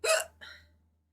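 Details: Streamer hiccuping during a live stream: a single sharp, abrupt hiccup with a quick voiced catch, then a softer trailing sound, over a low steady background hum.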